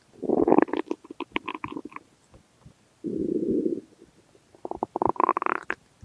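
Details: Stomach growling (borborygmi) from a sound-effect compilation: gurgling, bubbling rumbles in three bursts, with clicking pops and a sustained low groan between them.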